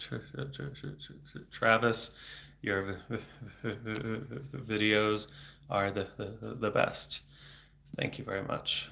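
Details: Stuttering in an adult speech-language pathologist who stutters, speaking on a livestream without fluency strategies; word repetitions are heard.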